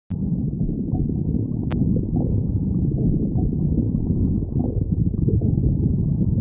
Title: Marine the raccoon stomach growling